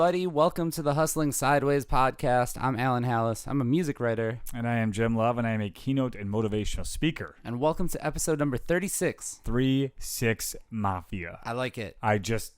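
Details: Adult men speaking; typical speech.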